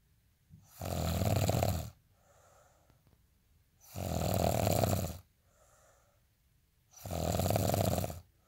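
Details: Loud, rattling inspiratory snores about every three seconds, roughly 20 breaths a minute, with quiet breathing out between them; snoring.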